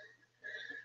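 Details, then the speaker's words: Adult woman with bad hay fever, breathing heavily and needing an inhaler: a brief, thin whistling wheeze during breathing. "that is actually me so if you can hear like a wheezing in the background or heavy breathing that is actually me trying to breathe at the moment"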